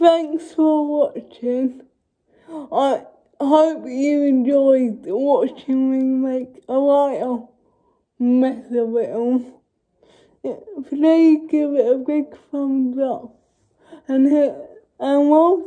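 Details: Dysarthric speech in an adult woman with cerebral palsy.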